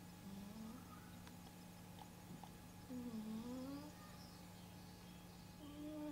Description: Γιατί οι γάτες ροχαλίζουν κι ονειρεύονται! My cat snoring like nobody's business!